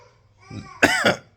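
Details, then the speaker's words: Adult sick with a lost voice, suspecting a lingering "long spicy cough" after an illness in April: a soft throat sound, then two sharp cough bursts; a child is also unwell. "you can hear crying he's not well either um if it is if it is the spicy cough long long spicy [ __ ]"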